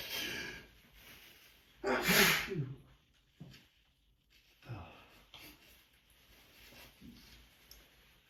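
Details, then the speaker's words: Adult with seasonal allergies, morning sneezing starting on waking: a sharp, forceful sneeze with a quick breath in before it, then quieter sniffs and breathing; allergic sneezing. "As soon as I wake up, they just start up again."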